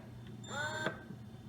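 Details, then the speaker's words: Ameda Purely Yours electric breast pump starting up on highest suction and lowest speed: a quiet room, then a brief rising mechanical whir. "so I'll just go ahead and turn it on so you can kind of hear what it sounds"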